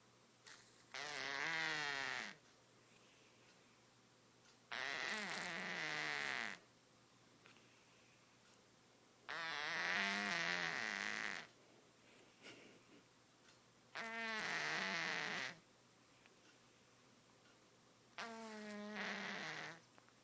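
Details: Congested cat snores in loud, honking, buzzy bursts about 14 times a minute; snoring due to nasal congestion, cat has been seen by a vet.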